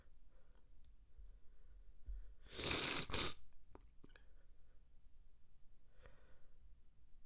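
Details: Stifled sneeze held back so no one in the next room would hear: quiet breathing, then one muffled, choked burst of air with a catch in the middle, mouth held shut.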